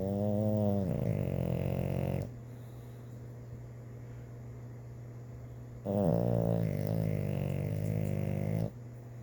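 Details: Snoring during sleep while dreaming: two long, buzzing, voiced snores with a quiet gap between, over a steady low hum; snoring.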